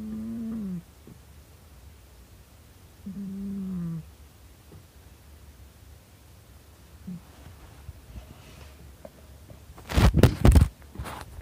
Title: Kitty snores